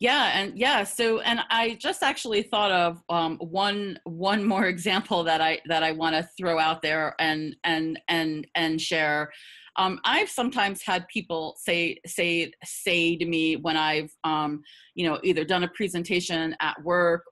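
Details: Stuttering in an adult woman who stutters; repetitions are audible.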